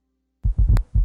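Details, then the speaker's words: Teaching example: low-pitched heart sounds with a soft extra sound just before S1, galloping rhythm like "Tennessee"; S4 gallop. Bell of stethoscope, left lateral recumbent position suggested if hard to hear. "Because this low-pitched sound occurs just before S1, it produces a galloping rhythm, as in the word Tennessee."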